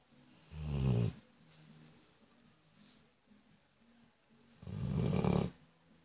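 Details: Banya snoring in sleep: two loud, low, rumbling snores about four seconds apart over a quiet room.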